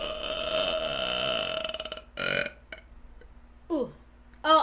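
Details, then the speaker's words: A live streamer who says they are very gassy burps on stream: several loud, drawn-out belches with falling pitch separated by short pauses, with soft music and room noise at the start. "a burper here on the stream and I'm very gassy so if you guys are not into that that's okay I do not mind"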